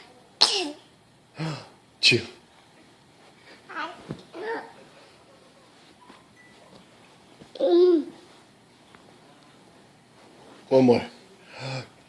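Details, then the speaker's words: Child's fake, imitated sneezes (not real): several brief sneeze-like bursts with short voiced "chew" sounds between them, in a small room. "Show me how you sneeze. Chew. Is that how your brother sneezes? Chew."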